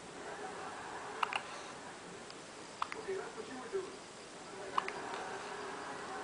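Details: Three sharp, brief clicking catches about every 1.7 seconds over quiet room noise: hiccups.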